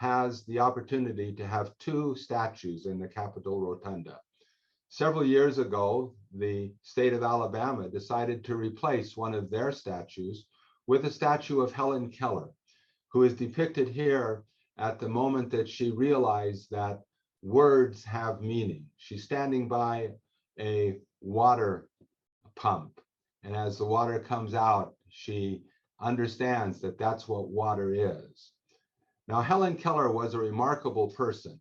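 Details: Adult male speaker; normal speech.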